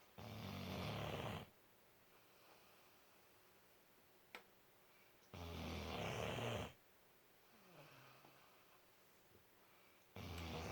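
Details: Four-month-old puppy snoring in sleep: loud, harsh snores every four to five seconds, roughly 12 per minute, with quiet gaps between.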